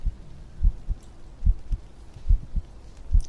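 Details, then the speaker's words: Heartbeat sound played during an ASMR stream: steady, low, paired thumps at about 70 a minute in a normal regular rhythm; a normal heartbeat. "So go ahead and do some heartbeat. How's that? You hear that nice and loud?"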